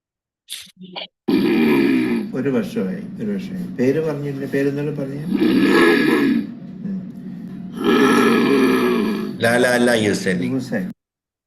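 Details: Growling, lion-like voice during speech, not during inspiration, in a male patient with progressive supranuclear palsy with restricted upward gaze; breathing and vocal cords normal; motor neuron disease first suspected, EMG normal; dysphonia.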